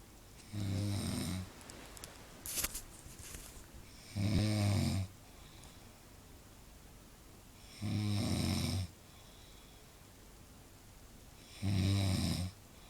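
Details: Person snoring loudly enough to keep others awake: deep, rattling snores about every four seconds (roughly 16 a minute) with quiet pauses between.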